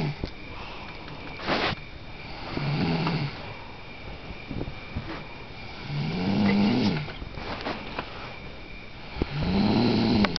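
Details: Woman asleep, recorded while knocked out, with low rattling snores on each breath in, about three over ten seconds, against steady background noise; ordinary snoring.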